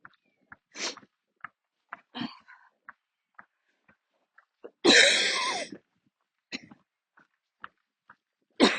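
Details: About five harsh coughs, one long and forceful, with footsteps between them: a coughing attack while walking outdoors near the end of a walk. The person usually has to stop and sit or kneel during attacks but kept walking this time.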